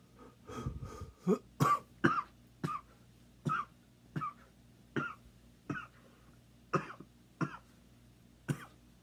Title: Dedicated to all the coughing fans, enjoy